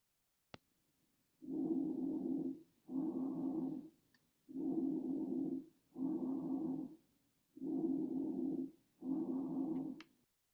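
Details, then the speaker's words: Normal bronchial breath sounds heard over the manubrium: loud, hollow, fairly high-pitched breathing with a clear pause between phases. "so next would be bronchial breath sounds this is you hear this over the manubrium"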